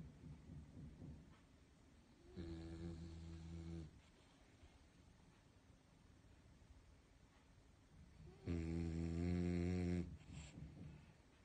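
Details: Calm, comfortable dog: two long, low, rattling breaths in a quiet room; snoring during sleep.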